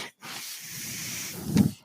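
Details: A steady airy hiss with a low hum, ending in a louder puff, as the speaker's own home ventilator delivers a breath during their podcast: mechanical ventilator.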